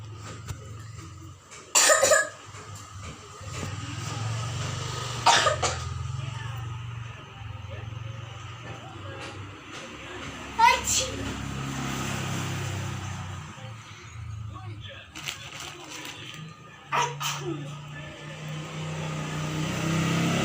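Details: A first-grade schoolgirl demonstrating cough and sneeze etiquette: several short, sharp, deliberate cough bursts separated by quiet gaps, with faint room noise.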